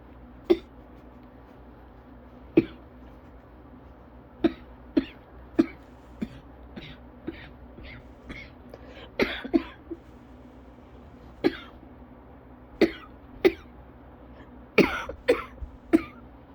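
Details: Adult with cough variant asthma during an attack: about fifteen short, sharp coughs in under twenty seconds.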